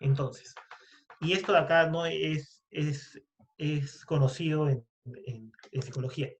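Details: Stuttering in a Spanish-speaking man who identifies himself as a person who stutters, speaking in a podcast conversation about stuttering.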